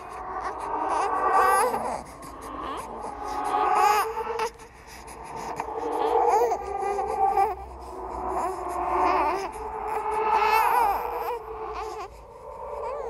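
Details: Horror sound-effect track, not a real baby: wavering, rising and falling infant crying in repeated bouts with a faint laugh-like quality; a ghost-baby imitation of an infant cry.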